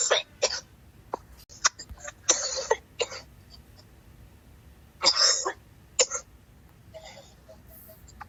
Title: Coughing so hard wanna puke! 🤮🤮🤮